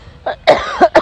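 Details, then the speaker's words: Three loud, throaty, voiced coughs from an unwell adult woman, off work sick for several days in winter, with a doctor's appointment pending; cough. "As you can hear, masama pa rin yung pakinam, may cough."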